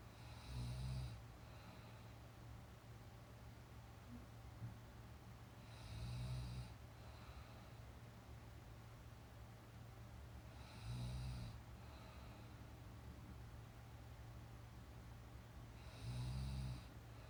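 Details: Woman sleeping during a nap, real snoring sound: low rumbling snores on each breath in, about every five seconds (roughly 12 a minute), against steady background hum.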